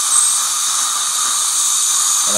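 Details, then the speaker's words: Steady high-pitched hiss and whine of an ultrasonic scaler running nonstop during dental hygiene scaling, with a suction mirror on strong high-volume suction drawing off fluid: an ultrasonic scaler with suction. "this position right here is probably the most effective use of the section you can just really scale the MERS very well nonstop and it really suctions up"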